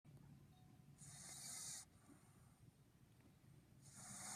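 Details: Two soft, hissing, wheezy snores with quiet breathing between them, "like an old man"; a Boston Terrier snoring.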